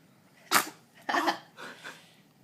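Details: Baby (Olivia) sneezing after a feed: a big sneeze.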